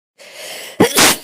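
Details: Woman sneezing once: a short breathy intake, then a sudden loud burst of air.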